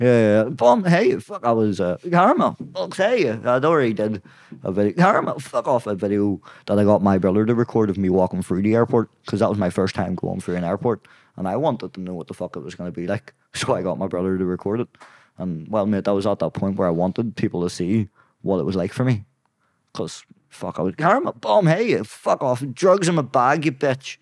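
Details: Young adult man with Tourette syndrome; tics began at 16 as a shoulder tic, spread across the body, then vocal tics followed; involuntary blurted words and swearing interrupt speech, worse under stress and cameras; Tourette syndrome vocal tics.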